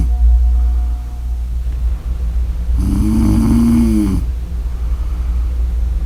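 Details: Single loud, rough, vibrating snore on an in-breath over steady low room hum; ordinary snoring.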